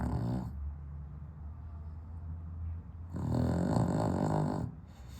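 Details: Sleeping dog with sleep apnea, somewhat improved on heart medication, on a very hot 32°C day without air conditioning: loud rattling snore, then quieter low breathing before snoring resumes; snoring with sleep apnea.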